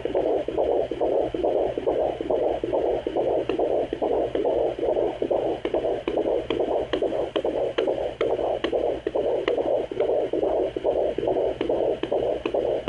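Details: Pregnancy at 17 weeks, heard with a handheld pocket fetal Doppler: rapid, regular whooshing, galloping beats at about 140 a minute, a fetal heartbeat on Doppler.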